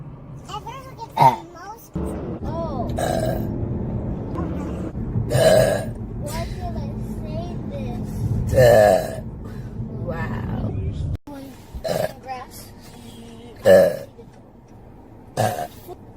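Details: Several loud, drawn-out belches spaced through a burping compilation, with background music and some talk; repeated burping.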